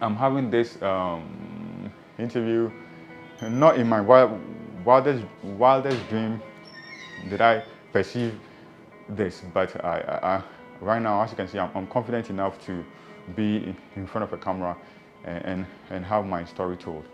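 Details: Person who stammers and has had speech therapy sessions: stuttering.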